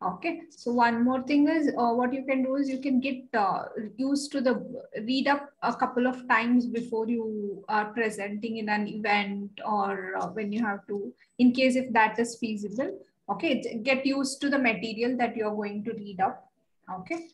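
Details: Adult woman speaking; normal fluent speech.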